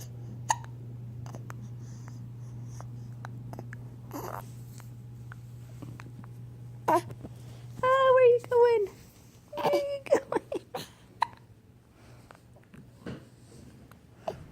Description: The cutest hiccups.